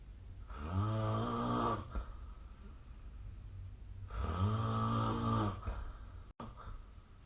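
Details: Two deep, buzzing inhaled snores with quiet pauses between, about 17 per minute, from a sleeping adult.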